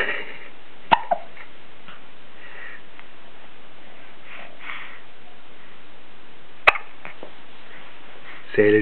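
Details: Hiccups recorded as a message to grandparents: two sharp, brief hiccup bursts about six seconds apart against faint room noise.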